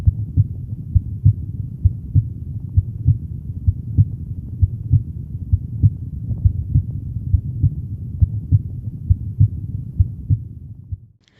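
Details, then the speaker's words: Normal heart sounds at the pulmonary area (second left intercostal space beside the sternum) in a healthy person: steady, about 67 beats per minute, second sound louder than first. "При вислуховуванні проекції півмісяцевих клапанів другий тон виявляється голоснішим за перший."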